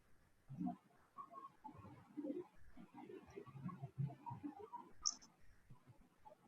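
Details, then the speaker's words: Series of soft, short, flat taps without ringing resonance from percussion of the right chest at the sixth intercostal space; normal hepatic dullness. "Ya sobre el sexto espacio intercostal vamos a escuchar la matidez hepática."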